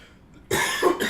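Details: Adult man on a livestream who uses a nasal spray so he can get through without coughing a lot: a quiet lead-in, then a short, harsh cough followed by throat clearing.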